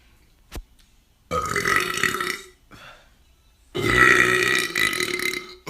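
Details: A compilation of men burping, with two long, loud, rumbling belches and a brief pause between them.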